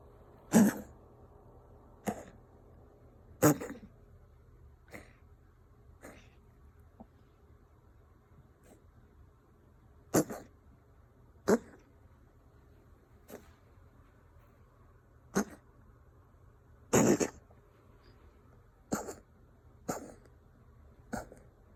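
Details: Female Ragdoll cat coughing and wheezing: a series of short, harsh coughing bursts with a faint raspy, wheezy edge; owner unsure whether it is a hairball or illness.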